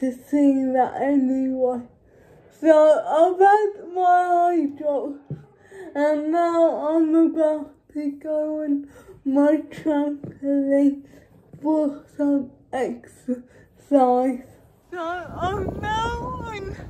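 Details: Dysarthric speech in a female speaker with cerebral palsy, real everyday vlog speech.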